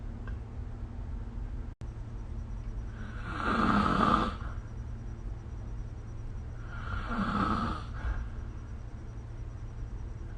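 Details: Two rough, rattling snores on the in-breath, about 3.5 seconds apart (near 17 breaths a minute), over a low steady hum: ordinary snoring during sleep, recorded with the SnoreLab app.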